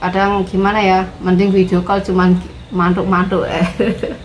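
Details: Adult woman speaking; Normal speech.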